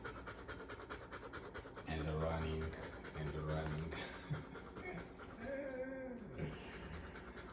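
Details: A standard poodle puppy breathes fast after running, with rapid, shallow panting of roughly 200 breaths a minute and some room noise; ordinary panting after exercise.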